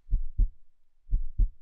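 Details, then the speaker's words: Normal regular heartbeat played in a children's explainer on how the heart pumps: steady paired low lub-dub thumps at about 60 beats per minute. "Did you ever think about why we call it a heartbeat? It's kind of like the rhythm in a song, it just keeps repeating, making the same sound over and over again. Thump thump, thump thump."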